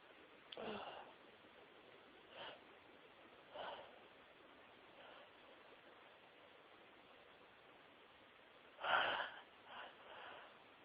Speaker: Oh, come on. Oh, dear. I'm not done. Excuse me. I've been sneezing all day.